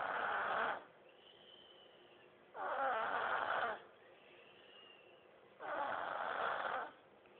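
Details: Snoring in a sleeping 3-year-old girl: three loud, rough breaths about three seconds apart, roughly 20 a minute, with quiet gaps between them.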